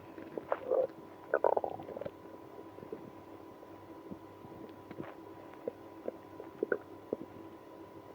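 Gurgling, squeaky stomach growls in bursts over faint background hum; active bowel sounds in irritable bowel syndrome.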